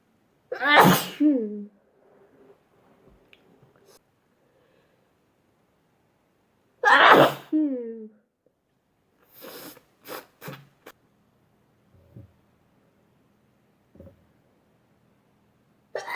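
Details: Two loud voiced sneezes several seconds apart, then quiet sniffs and small noises, from a compilation of ordinary repeated sneezing.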